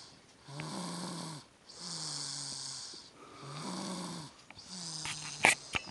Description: passed out snoring in the car after a big day of presents